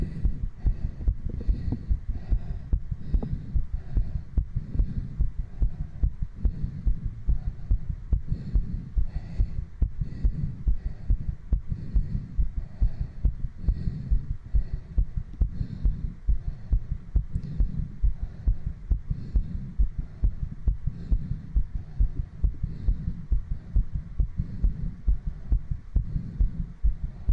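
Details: Fast, strong, steady heartbeat of about 140 beats a minute from a streamer after doing 60 jumping jacks, with heavy breathing, recorded on a 3Dio binaural microphone.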